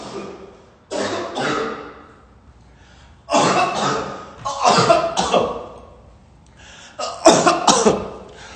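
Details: Prolonged coughing fit with several harsh, rough bouts separated by pauses, while smoking on vacation.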